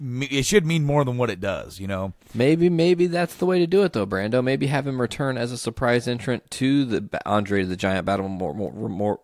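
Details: Adult man; Normal speech.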